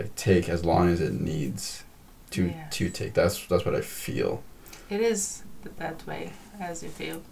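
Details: Stuttering in a female podcast guest who has a stutter; she is stuttering more than usual in this conversation, with word and part-word repetitions.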